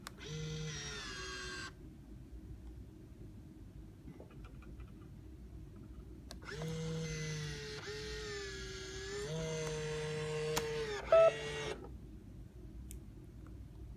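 Steady motor whine with a low pulsing hum in two runs, stopping and restarting, from an infusion pump mechanism operating normally.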